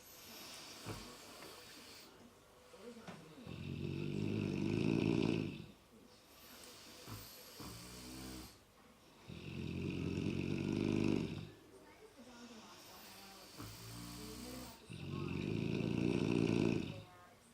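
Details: Two sleepers snoring together, one louder than the other: deep rattling snores with quieter breaths between, about ten a minute; steady snoring during sleep.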